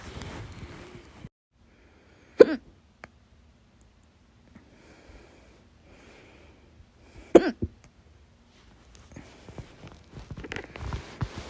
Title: 10/15/22, My Loud, Second Hiccups (Better Version)